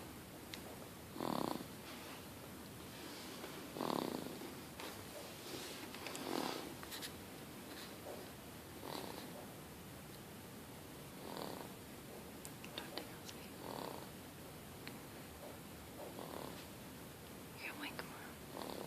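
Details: Baby boy snoring: soft, irregular noisy breaths with snoring quality, about 24 a minute, over steady room hiss; light infant snoring.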